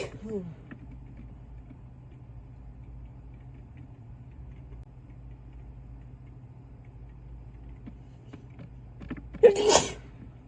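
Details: A soft sound near the start, a long quiet stretch with low background rumble and creaking, then one loud sneeze near the end; an induced, intense sneeze.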